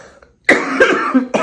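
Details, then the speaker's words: Two harsh, loud cough bursts in quick succession, then the start of a third, from someone with stage 4 metastatic cancer who has caught a respiratory infection; X-rays reportedly showed nothing in their lungs. "you're going to hear very soon I uh have caught a um respiratory infection uh and it sounds"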